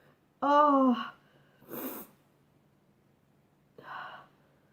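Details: A voiced in-breath, then a noisy sneeze burst and a second softer burst, from a sneezing compilation; ordinary sneezing.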